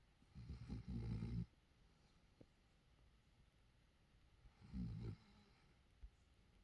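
Two low, rough, rumbling breaths about three seconds apart, separated by quiet: snoring.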